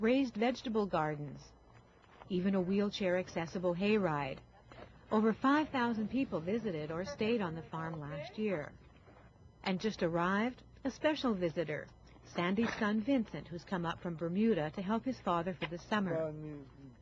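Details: Adult female narrator; ordinary speech.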